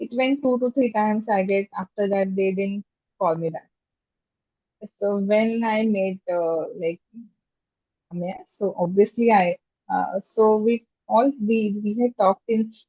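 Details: Adult woman who stammers, speaking in a podcast interview; stammering.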